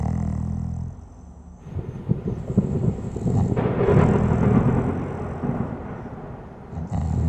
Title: Sleep and snoring